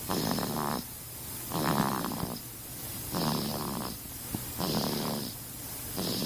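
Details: A baby snoring: regular rough snores on each breath, about 20 breaths a minute, with a fluttering rattle in the upper airway; snoring.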